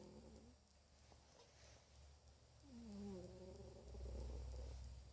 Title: My cat snoring